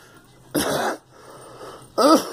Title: Me coughing